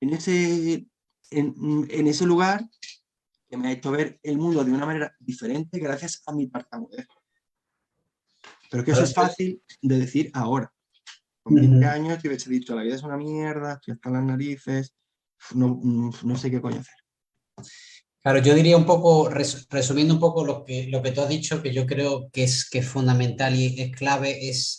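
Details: Adult man who has stuttered since childhood and struggled to hide it, now a storyteller; stuttering.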